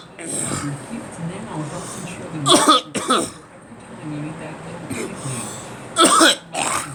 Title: Me coughing